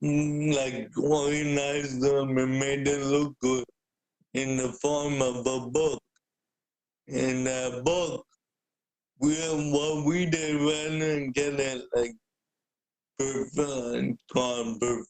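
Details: Adult man with cerebral palsy present since birth, a wheelchair user with physical limitations; speaking is noted as hard for him. Dysarthria (cerebral palsy).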